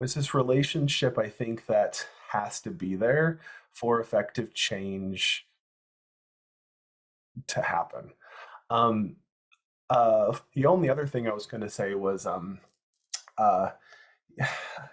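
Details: Person who stutters on a stuttering panel for speech-language pathologists; audible word and part-word repetitions; stuttering.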